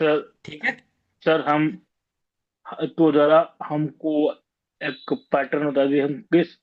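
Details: Stuttering in a participant of an online stammering cure group session, with word repetitions heard; stuttering.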